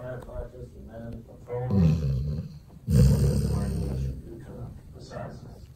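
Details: Golden retriever sleeping in owner's arms, snoring: two loud, rough, rumbling breaths with quieter breathing between them.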